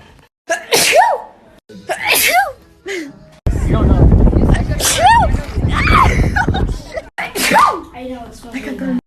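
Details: Natural sneezing compilation: several loud, explosive sneezes with voiced gasps between them, some over background noise. A run of sneezes.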